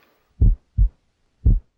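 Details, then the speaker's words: Normal S1 heart sound in low thumping lub-dub pairs at about 57 beats a minute. S1, from mitral and tricuspid closure, is heard best at the apex, louder, lower and longer than S2. "S1 which results from closure of the mital and tricuspid valves marks the start of syy it's heard best at the Apex where it's louder lower and longer than S2"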